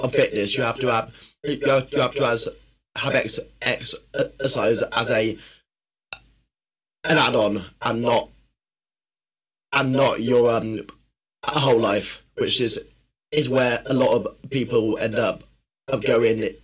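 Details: Man who has stammered since childhood, which he says worsens when tired, stressed or nervous; stuttering.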